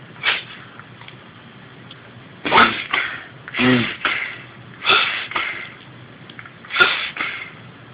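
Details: Suspected reverse sneezing: five short snorting bursts of air, some in quick pairs, over a steady low hum.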